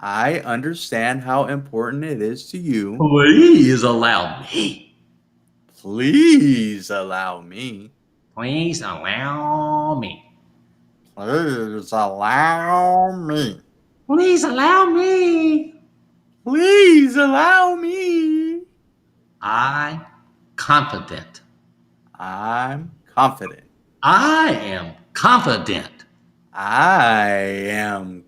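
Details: Adult man speaking; aphasia.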